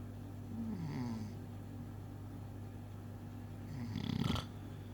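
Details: Man snoring: low rumbling snore-like breaths over steady room hum, with one louder rattling breath near the end.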